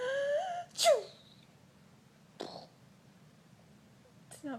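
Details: Sneezing: a high giggling voice, then a sudden burst and two shorter small sneezes.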